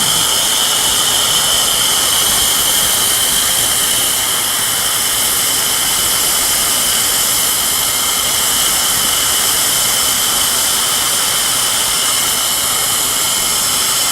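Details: Loud, steady high-pitched whine of a dental implant drill running continuously while preparing implant sites in the upper right jaw of a 71-year-old woman with periodontal tooth loss, near the sinus and fresh extraction sockets.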